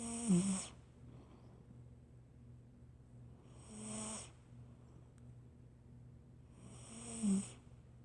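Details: Cat snoring in ordinary sleep: three soft, breathy snores about every three and a half seconds over a steady low room hum.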